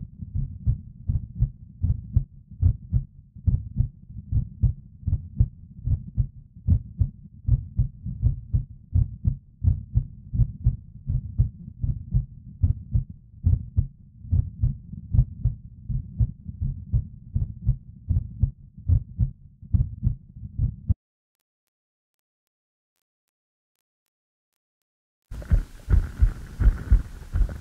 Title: Human Heartbeat visualizer try